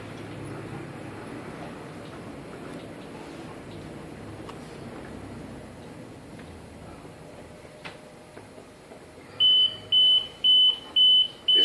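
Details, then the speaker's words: Room hum, then a run of regular high-pitched beeps: ventilator apnea alarm in pressure-support mode (5 cmH2O), sounding because the patient is not breathing. "paso porque el paciente no está tirando cananea y la alarma está funcionando en segundos segundos"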